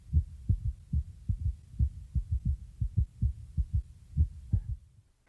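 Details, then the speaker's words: Normal apical pulse heard with a stethoscope diaphragm placed about 2 inches below the left nipple, toward the center of the chest: paired lub-dub sounds, roughly 80 to 90 per minute, counted for one minute to check rate and rhythm. "adjust the position of the diaphragm until you can hear the heartbeat clearly then begin to count the heartbeats for one minute each ldub sound is one beat"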